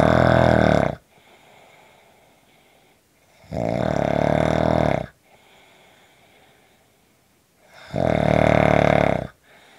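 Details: Loud, rough, rattling snores on each in-breath, three in about ten seconds, with quiet exhalations between; heavy snoring.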